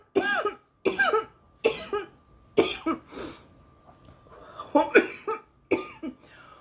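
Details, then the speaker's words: Young woman coughing after smoking cannabis from a bong: a run of about eight harsh, choking coughs with brief gaps from throat irritation. She reports feeling very hot and high. "and it's just going to keep creeping the more I cough like I swear the higher I get I'm a cough cough to cough to get off kind of girl"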